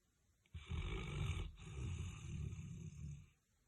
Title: LOUDEST SNORING DOG with the weirdest sleeping position 🤣